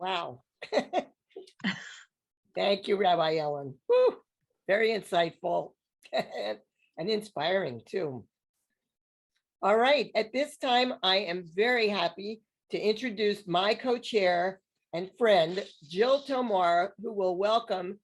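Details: Adult woman speaking; normal voice.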